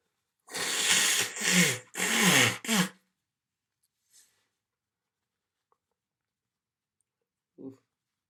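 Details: Three forceful sneezes in quick succession, followed by a faint sniff and a short breath sound, in a recording of sneezes and nose blows.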